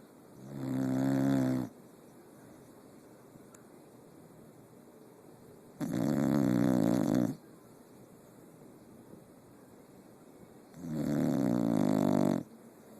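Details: Three long, rumbling snores about five seconds apart, roughly 12 breaths a minute, with quiet pauses between: steady snoring.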